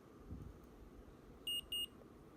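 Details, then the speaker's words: Omnipod insulin pump pod just filled with insulin by a 19-year-old with type 1 diabetes since age 8: two short high-pitched beeps signalling the pod is ready to be activated. "gonna hear two beeps the two beeps will let you know that the pod is ready to be activated"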